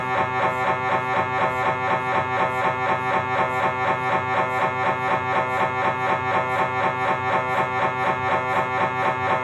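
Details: Philips 1.5T MRI scanner running a lower spine exam: steady, rapid mechanical buzzing and knocking at about four pulses a second.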